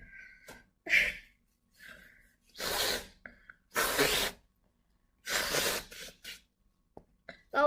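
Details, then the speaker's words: Girl who says she can't stop sneezing: several sharp sneezes, each preceded by a quick inward gasp, with short pauses and soft sniffs between them; repeated sneezing. "Oh, now I can't stop sneezing. Okay, thanks guys. We got there."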